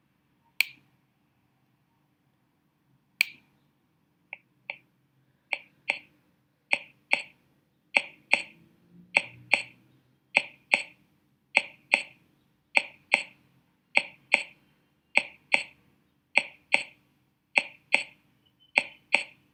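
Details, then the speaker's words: Finger-on-finger percussion in the infraclavicular space below the midclavicular line: sharp paired taps, about 50 a minute, giving a resonant note from air-filled lung. "Bien, chicos, eso que escucharon anteriormente es sonoridad, bien, es la presencia de aire debajo de la pared."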